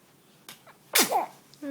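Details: A single short, sharp sneeze after a faint intake of breath.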